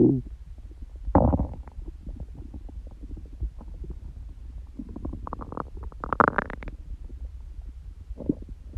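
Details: Stomach growling in a person whose stomach rumbles loudly by constitution, not hungry and without stomachache: gurgling, bubbling rumbles with low squeaks and grumbles; ordinary bowel sounds (borborygmi).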